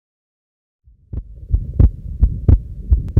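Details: Regular heart sounds at about 87 a minute: a systolic murmur and an early diastolic murmur, from combined aortic stenosis and regurgitation.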